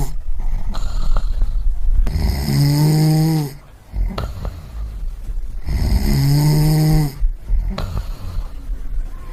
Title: Snoring Sound Effect (1 hour)